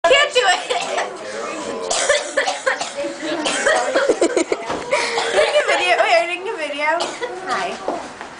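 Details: Eighth-grade child giving several deliberate, acted coughs for the camera, mixed with giggling and background voices; a voluntary cough.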